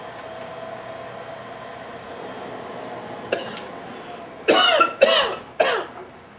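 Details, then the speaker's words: Cough Assist mechanical device for mobilizing pulmonary secretions, demonstrated on the instructor via face mask: low device hum, then a short burst of air being pulled from the lungs on exhale and three forceful, explosive machine-assisted coughs. "I haven't had any problems with secretions but what you want the patient to do is relax allow the air to fill up the lungs and then during the exhale period you can feel the air being pulled out of patients lungs"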